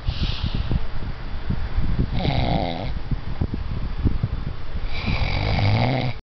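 Low, rough fluttering snores with two louder, hissy inward breaths, over a constant rumbling background.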